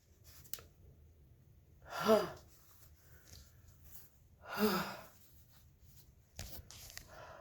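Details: Person with a bad head cold, nose clogged all night: two forceful sneezes a few seconds apart in a quiet room, then brief nose-blowing; sneezing.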